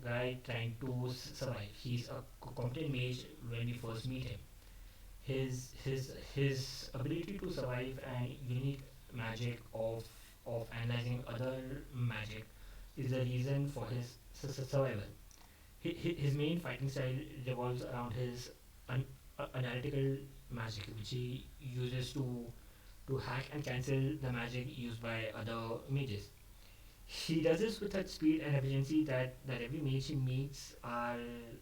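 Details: Adult male who stammers, speaking unscripted after dropping his script, which he says increased his stammering. Finding: stuttering.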